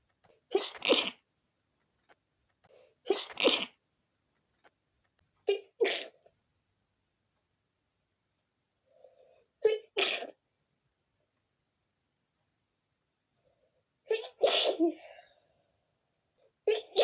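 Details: Person with a tickly nose after sleeping with the window open: about seven sneezes, some loud and explosive, others stifled and muffled, each with a quick breath in before; sneezing.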